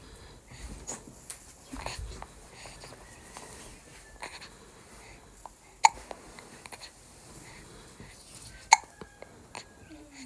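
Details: Infant hiccups: soft, sharp catches recur every few seconds amid quiet breathing and room noise.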